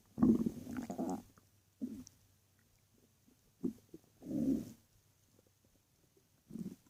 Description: My stomach was growling in the night when i was laying in my bed.